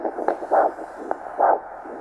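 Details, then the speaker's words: Handheld Doppler with ultrasonic gel during ankle-brachial pressure index measurement: rhythmic whooshing pulses of a normal tibial arterial signal at the ankle, demonstrated after the venous return roar. Normal arterial Doppler signal. "I'll actually demonstrate that this is the arterial signal you can hear that"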